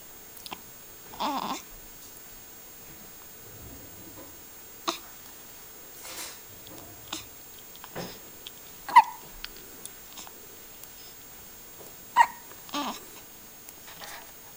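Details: Five-day-old: short, sharp, irregularly spaced hiccup sounds in a quiet room, about one every few seconds; hiccups.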